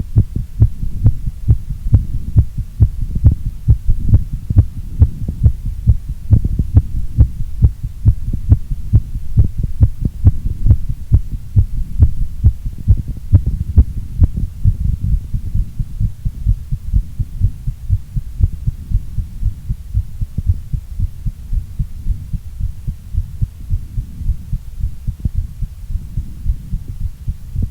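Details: Heartbeat recorded during a workout and a short recovery: fast, regular beats near 135 a minute, forceful at first, then softening as exertion eases. Exercise-induced tachycardia with recovery.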